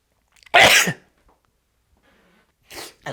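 One loud, explosive sneeze, then a softer follow-up burst; a staged outtake.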